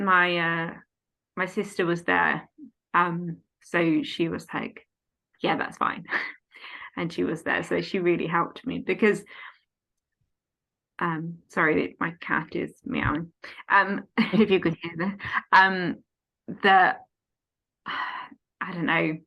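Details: Aphasia in an adult woman following a stroke at age 18, now 14 years post-stroke, affecting speech, reading, writing and understanding numbers.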